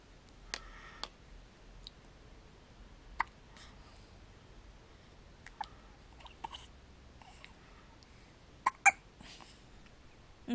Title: hiccups